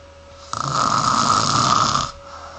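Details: A single loud, harsh snore lasting over a second and a half on a breath in.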